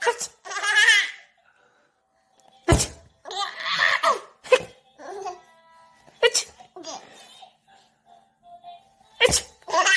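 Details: Several sharp, sudden sneezes from a 300-day-old baby, with giggling and laughter between them; ordinary repeated infant sneezing.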